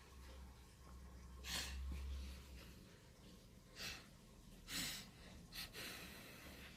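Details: Long build-up before a sneeze: several quick, noisy indrawn breaths ending in sneeze-like bursts, in a quiet room.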